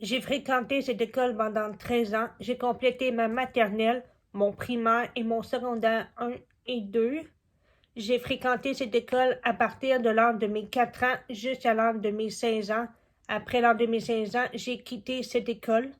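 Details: Adult woman deaf from birth from a genetic disease confirmed by blood tests, profoundly deaf without her cochlear implant and hard of hearing with it, uses spoken French, not sign language; speech of a congenitally deaf cochlear implant user.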